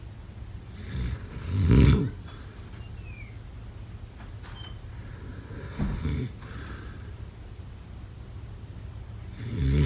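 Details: Low, deep rumbling snores recurring every few seconds over steady background hiss; snoring during sleep.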